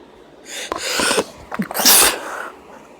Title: Female Sneeze Inducing